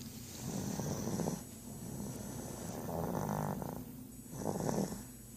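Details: Three low rattling snores about two seconds apart in a quiet room, steady sleep breathing of roughly 30 breaths a minute; snoring.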